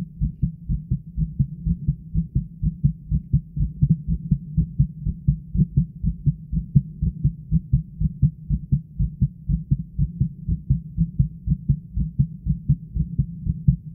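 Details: An adult's own steady, regular, low-thumping heartbeat, recorded at the chest with continuous pressure held over the heart. The pressure made the upper body sway after a while.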